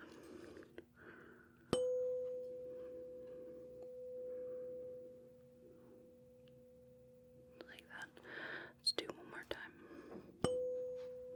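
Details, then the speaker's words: Simulated ASMR hearing-exam roleplay: a 512 Hz tuning fork is struck twice and rings a steady, soft mid-pitched hum for several seconds amid faint whispering, demonstrated before a Weber test. "So, our first test, our first test here involves a 512 hertz tuning fork. It sounds like this."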